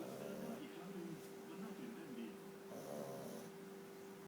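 Low rumbling, snorting breaths repeat through the clip, with a steady hum in the background; a small dog snoring.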